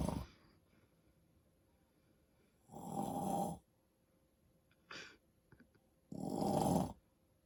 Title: Snoring Dad